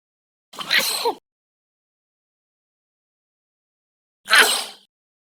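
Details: Two separate sharp, hissing sneeze bursts with silence between, from a compilation of human sneezes of various ages and sexes; ordinary sneeze reflex.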